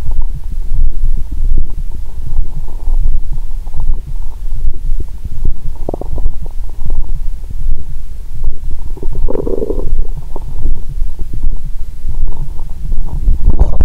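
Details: Stethoscope on the abdomen after a Christmas dinner with wine following a 22-hour fast; the subject is drunk and the belly still feels swollen. Loud, low rumbling with frequent gurgles and bubbling: active bowel sounds during digestion.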